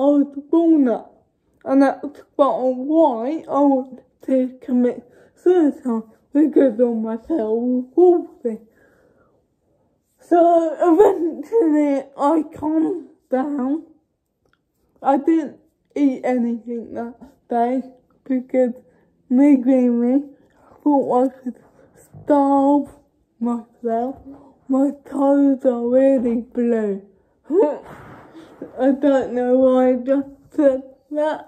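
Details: Young woman who states she has cerebral palsy, speaking spontaneously (real, not acted); dysarthric speech in cerebral palsy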